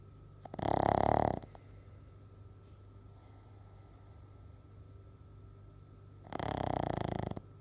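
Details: Sleeping pug snoring: two loud rattling snores several seconds apart, with quiet room noise between them.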